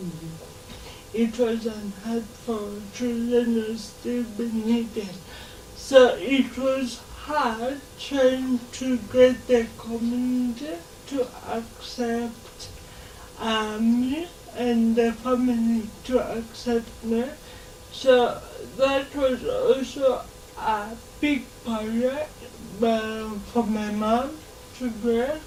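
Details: Dysarthria in a 26-year-old woman who has lived all her life with cerebral palsy and says she learned to talk much later than other children.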